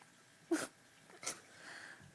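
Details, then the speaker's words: Baby boy's very first hiccups: two brief, sharp, quiet hiccup-like catches in a quiet room. "Is that the hiccups? It's the hiccups for the first time. Your very first hiccups."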